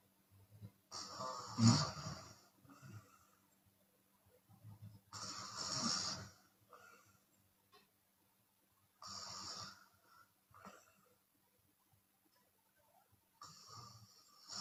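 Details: Chinese woman snoring with her mouth open: loud, rough snores about 14 a minute, some with an audible breathy exhale; open-mouth snoring.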